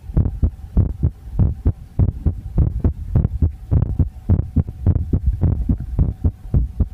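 Steady paired low thumps at about 105 beats a minute, with a faint hum behind. A regular heartbeat.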